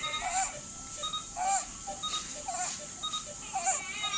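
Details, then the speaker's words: Expiratory grunting in a newborn: short, soft voiced grunts repeating rapidly with each breath out, from sudden glottic closure during expiration, characteristic of preterm newborns with respiratory distress syndrome. "sound audible during the expiratory phase and it a scope caused by the sudden closure of glus during expiration in an attempts to increase the airway pressure and lung volume and to prevent the alular atelectasis"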